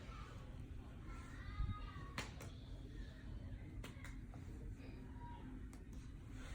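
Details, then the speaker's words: Percussion below the scapula on an adult woman's back during a head-to-toe health assessment exam: soft paired taps give a resonant note, indicating air-filled lung; normal resonant percussion note. "So I hear a resonant sound over the areas, meaning that that's actually air in those areas, and that is a normal finding."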